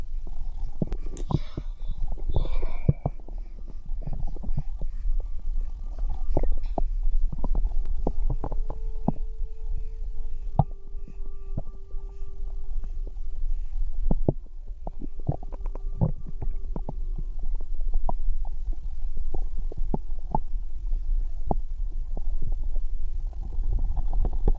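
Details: Abdominal bowel sounds (borborygmi) recorded from a pregnant woman's stomach: low gurgling and rumbling with brief tonal squeaks, typical of ordinary bowel sounds.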